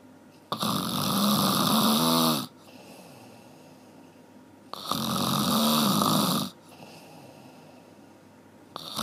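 Loud, harsh snores lasting about two seconds each, roughly 15 a minute, over steady room noise; ordinary snoring.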